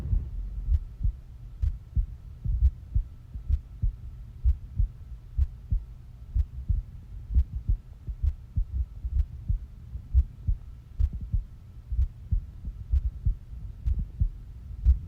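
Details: Steady low heartbeat thumps at about 63 beats a minute, heard close up: a person's own normal heart sounds.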